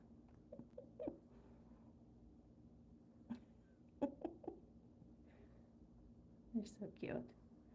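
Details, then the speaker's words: Soft, irregular, snuffly, purr-like snores from sleeping one-month-old foster puppies over a steady low room hum: ordinary puppy snoring during sleep. "I'm trying not to talk so you guys can hear them snore cuz they do you hear her like almost like a purr"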